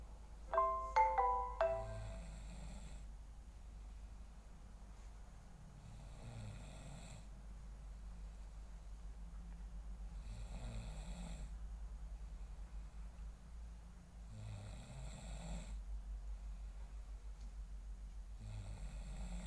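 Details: Sleeping adult man (a father, whose daughter is trying to wake him): a brief chime of mallet notes, then soft, steady, low rumbling snores every three to four seconds; snoring.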